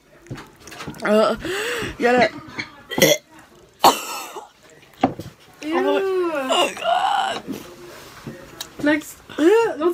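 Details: A woman repeatedly retching with strained groaning gasps and throaty gagging, no vomiting heard: dry heaving.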